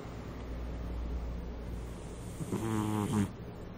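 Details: Cat with nasal congestion that has persisted since a cold, snoring loudly in sleep: low steady background hum, then one short vibrating snore on a breath.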